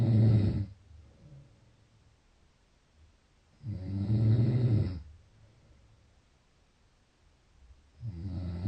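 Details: Loud, low, rattling snores on each breath, roughly 15 a minute, with quiet pauses between; heavy snoring.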